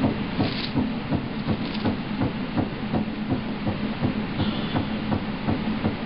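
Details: Fetal heartbeat on ultrasound at 11 weeks of pregnancy: fast, regular whooshing pulses at about 165 beats a minute over steady machine noise.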